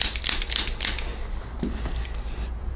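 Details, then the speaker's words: Chiropractic foot treatment: handheld adjusting instrument used under the big toe, giving three quick sharp mechanical clicks, then quieter room sounds. "i'm going to be under the big toe again but with the instrument because that one tends to not feel so great"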